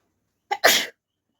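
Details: A single sneeze, a brief in-breath then a sharp, forceful burst of air, deliberately provoked by tickling the nose with a folded paper strip during a sneezing challenge without a handkerchief.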